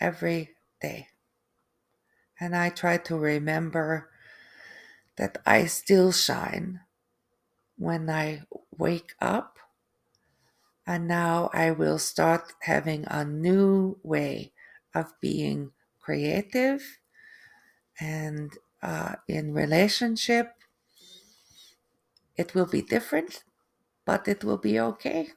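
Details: Adult woman after a stroke with aphasia and apraxia of speech, plus foreign accent syndrome that developed 3 months after the stroke.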